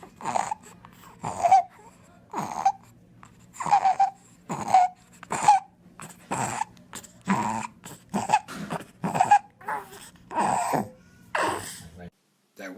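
Rapid, noisy infant breathing with a harsh, high-pitched whistling crow on the breaths: stridor from croup, a narrowed upper airway.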